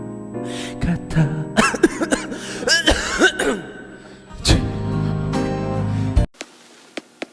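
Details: Adult male singer coughing during live singing: several short, sharp coughs and throat-clearing bursts over steady musical backing.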